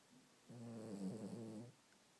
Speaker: Peanut is snoring. Hey, Peanut.